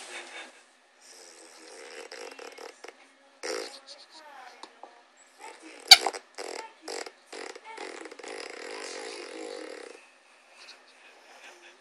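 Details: Female French Bulldog "snurring": rough, fluttering snorts and rattling breaths with a purring quality, in irregular bursts. Snoring in a flat-faced dog.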